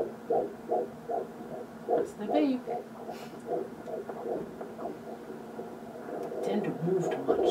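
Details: Fetal heartbeat at 12 weeks of pregnancy on Doppler: rapid, regular whooshing pulses at about 145 a minute, within the normal range.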